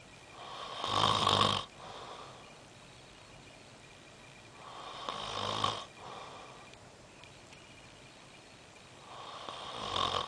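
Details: Snoring at 4:30 am, likened to a thunderstorm: loud rattling snores on breaths in, about every four seconds, roughly 14 a minute, with quiet breathing out between; snoring.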